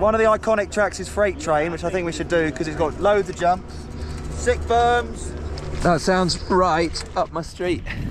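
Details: Adult male speaker; normal voice.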